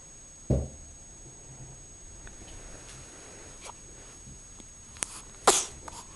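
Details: Dog sneezing, in a clip that also includes a yawn: a sharp, sudden nasal burst near the end, with a duller snort-like thump earlier, in a quiet room.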